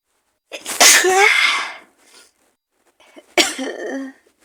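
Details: Woman really sick with an awful cold, maybe flu, with fever, cough and congestion, in a sneezing scenario: two forceful sneezes, each a sharp intake then an explosive burst, in a quiet room.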